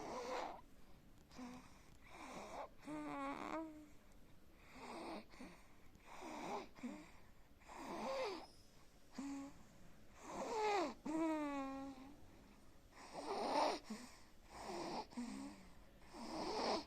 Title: snoring while Sleeping .. always sleeping 💤💞.with same position...